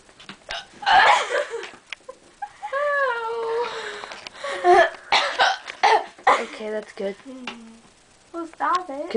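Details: Repeated hiccups, described as horrible: sudden, sharp, voiced gulps recurring between bits of vocalising and laughter, returning just after saying they were gone.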